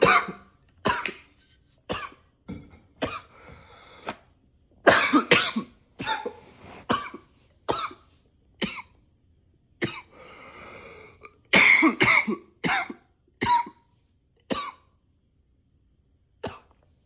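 About twenty short, harsh coughs in quick succession over seventeen seconds, with brief pauses between them: a persistent coughing spell.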